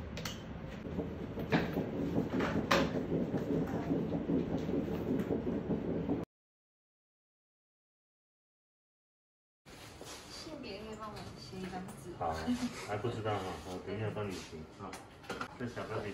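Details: Rapid, rhythmic whooshing pulses of an early fetal heartbeat on ultrasound, about 150 a minute, normal, at 7 weeks 4 days of pregnancy.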